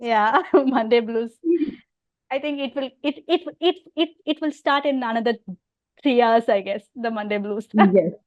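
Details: Adult woman with overt stammering who also has hearing loss; stuttering.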